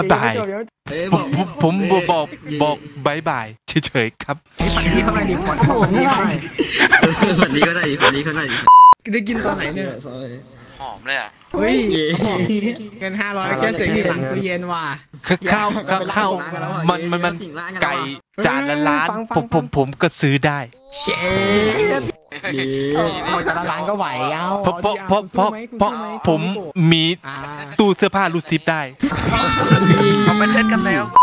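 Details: Acted stuttering: a male player deliberately fakes a stutter while speaking Thai, with repeated words and syllables; imitated stuttering.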